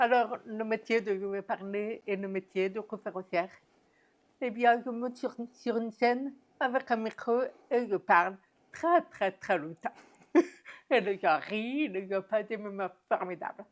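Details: Woman deaf since infancy (diagnosed at 9 months), told she would never speak; never heard her own voice; learned speech through about 20 years of speech therapy; deaf speech.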